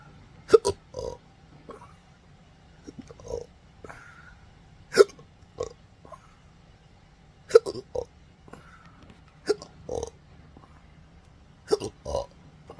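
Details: Hiccups and throat burps since December 2015, after surgery left nerve damage (pudendal, phrenic, vagus): repeated short throat burps mixed with sharp hiccup-like bursts, about 13 a minute and irregular, in a quiet room; belching.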